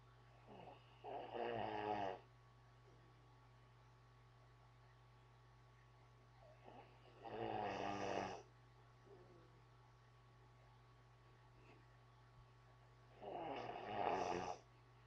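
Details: Man snoring while asleep: three loud, rattling snores about six seconds apart, around ten breaths a minute, over a steady low room hum.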